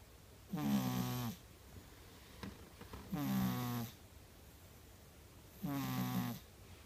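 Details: A white Persian cat napping, with an elusive, low snoring captured before she woke up.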